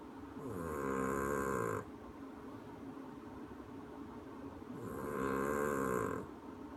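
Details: Snoring: two long, deep, buzzing snores about four seconds apart over steady room noise; regular snoring.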